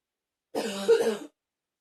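A single harsh, voiced cough lasting under a second, with a throat-clearing quality, in a quiet room.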